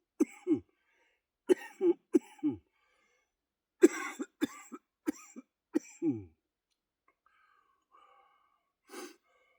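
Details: Person with cystic fibrosis coughing productively during a chest workout: about a dozen harsh bursts in clusters over six seconds, then a breath; says mucus is in the upper lungs and they are wheezing.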